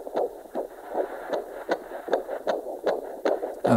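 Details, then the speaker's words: Fetal heart sounds on handheld Doppler at 24 weeks of pregnancy, after moving back from maternal flow of about 77 beats per minute: rapid, regular galloping whoosh at about 150 per minute, normal fetal rate and good rhythm. "And there we go, straight into the baby. So we can hear that gallop. So that's a really good rhythm. And we can see the significant difference in rate between the two."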